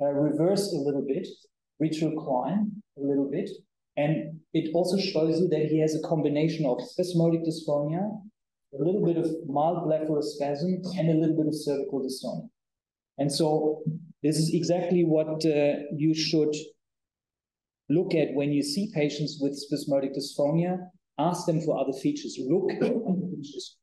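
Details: Adult male lecturer; typical speech.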